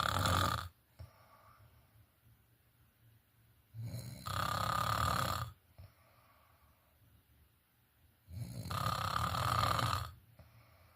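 Loud, rough rattling snores on each breath in, about every four seconds, roughly 15 breaths a minute, with quiet pauses between: snoring.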